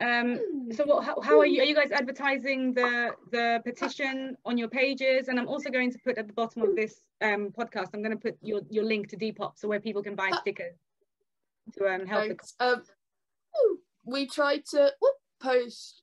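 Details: Adult woman, conversational speech; Normal speech.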